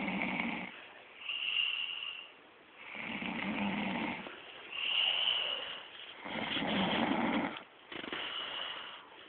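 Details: Woman snoring, recorded while asleep: loud rasping snores alternating with quieter whistling breaths, about 13 breaths a minute; ordinary snoring in sleep.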